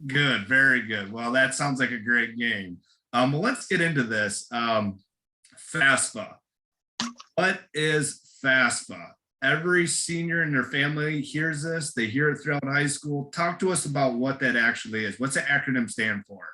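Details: Adult male speaker; ordinary speech.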